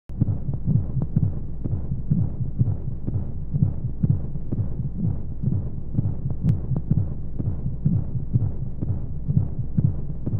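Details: Baby sleep aid womb sound: muffled low thumping heartbeat at a regular rate under steady rushing white noise, imitating what a baby hears inside the womb.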